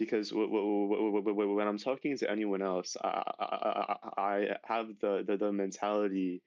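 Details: High school senior male with real stuttering that began severely at age 10, with six years of speech therapy; stuttering.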